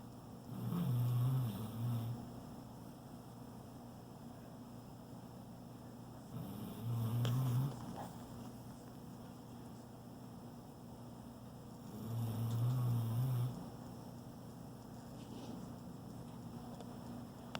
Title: My gooooog is snoring